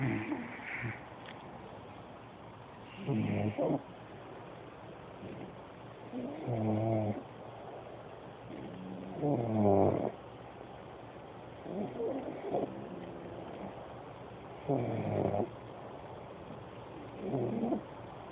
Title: Lucy and bruno snoring